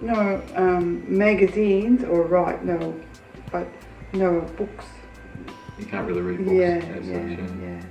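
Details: Aphasia with disordered word choice.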